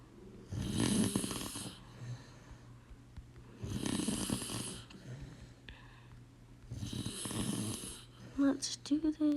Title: DONT MIND THE SNORING IN THE BACKGROUND 🥲